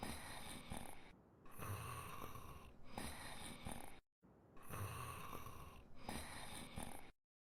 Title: Campfire Cooking in Another World Fel snoring in his sleep Subbed version